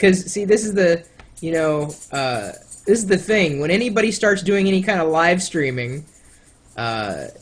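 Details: Adult man speaking; typical speech.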